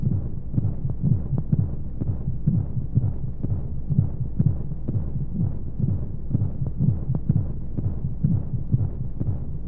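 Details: Baby sleep-aid womb sound: steady, low whooshing heartbeat thumps at about 125 a minute under a constant hiss, blended with white noise, as heard from inside the womb.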